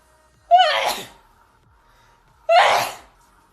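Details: Two loud sneezes about two seconds apart, each with a brief voiced onset and a burst of air; ordinary sneezing.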